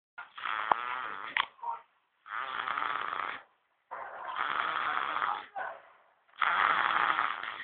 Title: Baby snoring 2